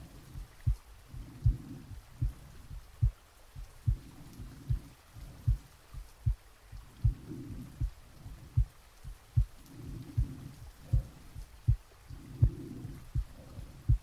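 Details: Real heartbeat and breathing recorded from the chest while sleeping, with added soft rain: regular soft heart thumps at about 78 a minute with slow breathing swells; normal heart sounds.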